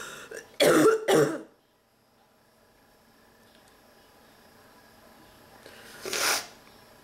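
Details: Two harsh coughs in quick succession, a pause, then a third, in a sick woman with nonstop coughing fits every few minutes and a back sore from coughing; a persistent cough.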